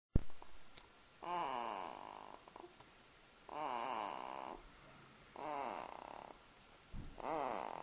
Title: snoring